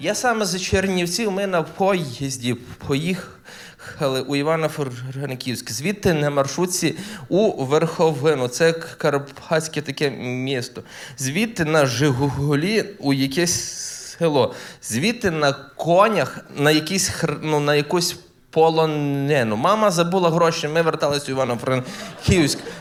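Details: Adult male stand-up comedian who says he stutters, performing live; genuine self-reported stuttering, which he once sought treatment for from a fortune teller.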